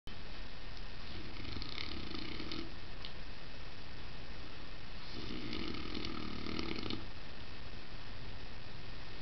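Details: Saint Bernard dog resting on the stairs, sleeping: two slow, low, fluttering snores on the in-breath over steady background hiss; snoring.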